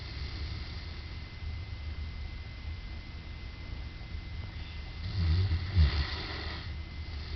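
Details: Dog snoring soon after falling asleep, described as a loud snorer: low rumbling breathing with a louder snorting snore near the end over steady hum.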